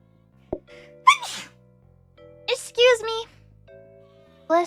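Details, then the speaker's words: A VTuber during a livestream, after announcing she is about to sneeze: short gasping inhales then small sneeze bursts over light background music; a mild sneeze. "I'm going to sneeze."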